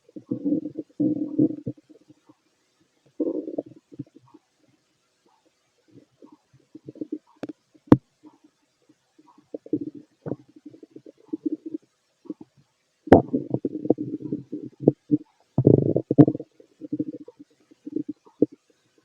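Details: Fit adult male, stethoscope over the belly while digesting pastry, chicken, curry, bread, milk, eggs and pasta: irregular gurgling, rumbling bursts with quiet gaps and a few sharp contact clicks; normal bowel sounds.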